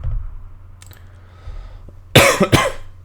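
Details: Two quick, harsh cough bursts close together from an adult who says he is a little bit ill with an affected voice, after a stretch of quiet room hum.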